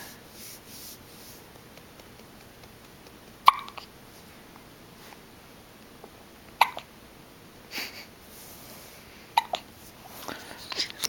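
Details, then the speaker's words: Infant hiccups: about four brief, sharp hiccups at irregular intervals over a quiet background while a caregiver waits to give milk until they stop. "I have some milk for you as soon as you stop hiccuping. Okay? As soon as you stop hiccuping."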